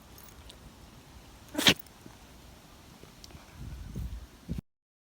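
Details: Miniature dachshund, black and tan, suddenly sneezing repeatedly during a walk; he normally never sneezes.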